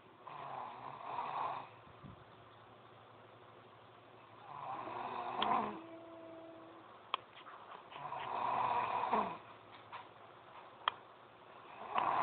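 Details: Girl snoring loudly: soft rhythmic snores, about 17 a minute, with a buzzing rattle on each breath and a few clicks between them; snoring.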